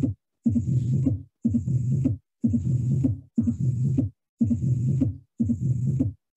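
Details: Mitral stenosis murmur with opening snap.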